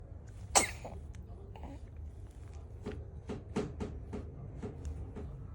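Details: One-month-old infant (55 days old) gives one sharp, high sneeze followed by soft short snuffles and small breathy sounds; an ordinary infant sneeze.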